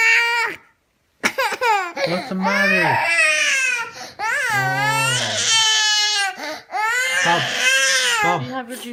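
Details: Young child crying: loud, sustained wailing cries with a strained voice and brief breath pauses between bursts.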